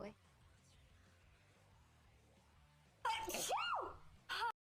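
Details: Sneeze in a "don't sneeze" challenge clip: a loud burst with a rising and falling voiced cry, then a second sharp burst, over faint background music.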